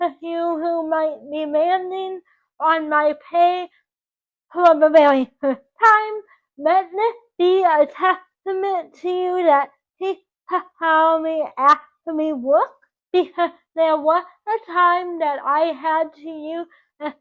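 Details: 24-year-old woman with dysarthric speech from cerebral palsy caused by oxygen loss to the brain at birth; doctors predicted she would never talk.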